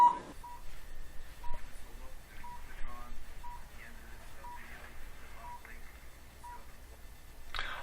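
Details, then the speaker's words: Short electronic beeps about once a second over quiet room noise from a cold (low-level) laser therapy device running a plantar fasciitis program on the foot; the beeping shows the machine is on. "Beautiful thing about this technique is you can hear the machine beeping. We know it's on."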